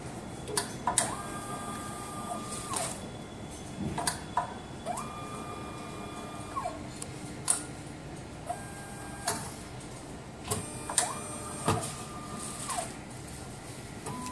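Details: MSLAB07 automated blood analyzer during setup after power-on and startup check: repeated mechanical clicks and whirring tones rising and falling in cycles; normal analyzer operation.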